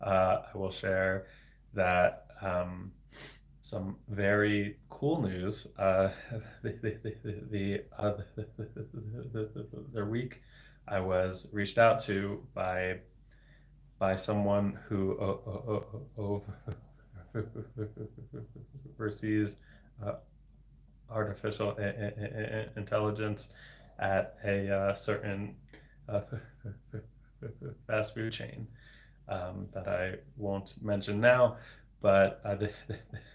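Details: Adult man, a speech-language pathologist, with lifelong persistent stuttering for 26 years since age eight; includes repetitions and blocks, varying in severity; stuttering.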